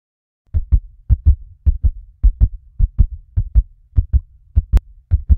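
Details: Fast heartbeat sound effect: rapid, regular paired low thumps at about 105–110 beats a minute, tachycardia.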